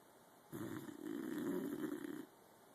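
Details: Helmer, a very tired animal asleep in a home office, snoring: one drawn-out, buzzing snore of about two seconds on an inward breath, then quiet.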